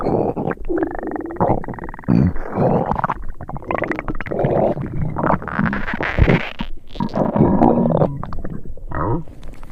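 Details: Sound-effect recording of an upset stomach: continuous low gurgling and rumbling with bubbly squelches; stomach rumbling.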